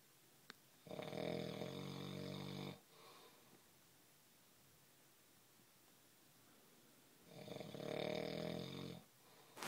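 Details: Two loud, rattling inspiratory snores about six seconds apart, with quiet breathing between them; ordinary snoring.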